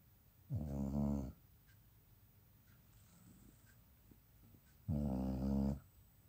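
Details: A sleeping dog's first snoring: two loud, buzzing, vibrating snores a few seconds apart, with quiet breathing between.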